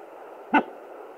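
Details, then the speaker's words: Brief thump-like blip over steady hiss on a home pocket fetal Doppler (Sonoline B) used by the pregnant mother, who has anxiety from prior miscarriages and complications this pregnancy; fetal movement picked up by the probe. "That's baby moving again."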